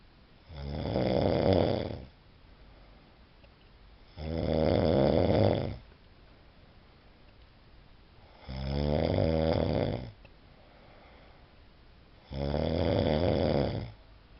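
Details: Snoring: loud, rattling snores on each breath in, about 16 breaths a minute, with quiet breaths out between them.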